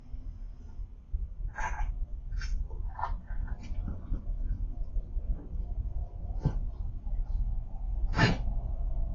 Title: Dog coughing sounds